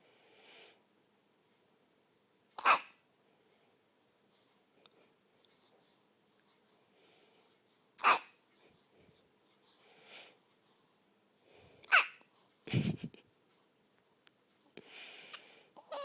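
Short sharp hiccup sounds recurring irregularly, roughly 16 a minute, with soft breaths between; hiccups.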